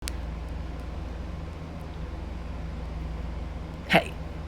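A single short, sharp hiccup-like burst stands out against a steady low engine hum.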